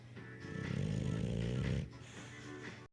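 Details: English Bulldog snoring, even after waking: a deep, rattling snore of about a second, then a softer breath, music in the background.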